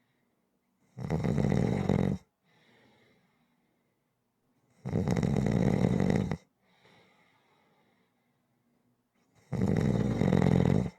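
Loud, harsh snores about 13 a minute, each followed by a soft breath out. Rhythmic sleep snoring.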